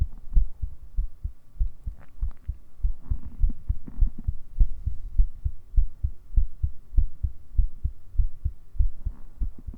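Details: Simulated ASMR cuddling roleplay of lying in the grass, with the heartbeat recorded on a 3Dio binaural mic: regular low lub-dub thumps at about 100 beats a minute with slight rustling; normal heartbeat.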